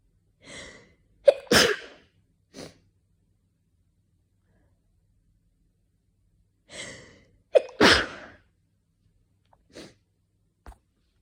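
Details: Two sneezes, each a sharp inward gasp then explosive burst, separated by silence; winter sneezes from cold air or indoor heating with slight dust allergy.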